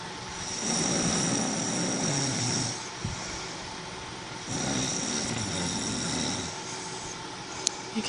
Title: Snoring hubby part 10 😴 😴 😴